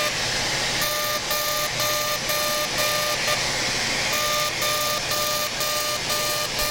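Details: Lumenis Encore CO2 UltraPulse laser, fully ablative aggressive mode (100 mJ, density 6), resurfacing the face during simultaneous facelift: steady loud whooshing with regular short beeps about two per second.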